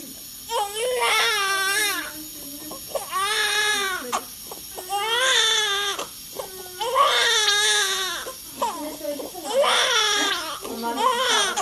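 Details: Newborn boy just born about a month early, weighing about 3320 g: strong, rhythmic newborn crying in repeated wailing bursts, about 29 cries a minute, with faint music behind.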